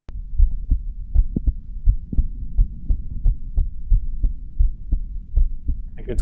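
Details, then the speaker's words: Clean digital stethoscope recording of normal heart sounds: regular lub-dub heartbeats at a fairly regular rate with little background noise. "So, if I set everything up correctly, we're we're going to hear some heart sounds. This first recording is a clean example from a digital stethoscope."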